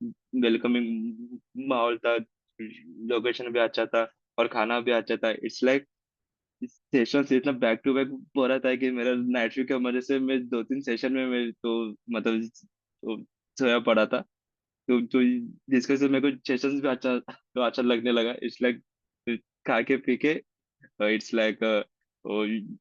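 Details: Man, 26, who has stammered since childhood, speaking at an online stammering self-help group meeting; stammering.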